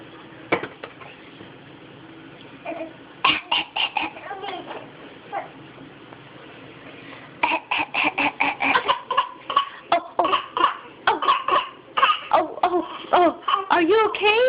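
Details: Infant aged 6½ months coughing on request from the mother: a series of short, light, deliberate coughs mixed with playful vocal sounds; voluntary fake cough, not illness.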